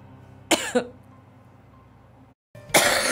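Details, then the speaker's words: Cough from a woman who reports coughing so hard at work that she tasted blood in her throat: two harsh cough bursts close together, a pause, then another loud burst. "아니 지금 회사에서 기침을 막 목에 막 피날 정 피맛이 느껴질 정도로 기침을 하는 거야"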